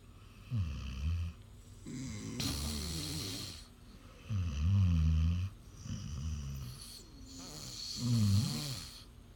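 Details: Snoring from either a pet dog or an adult man, compared for loudness: repeated low, vibrating snores on each breath in, followed by breathy outward breaths.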